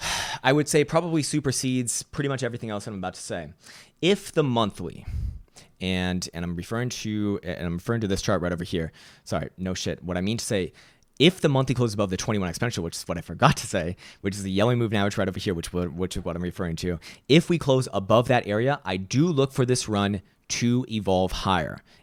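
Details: Stuttering in a male speaker who reports his own stutter and finds it annoying and embarrassing.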